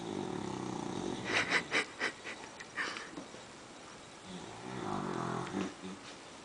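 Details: Rumbling, snorting breath noises over steady background hiss, loud enough to be mistaken for a truck outside: loud snoring from a sleeping animal.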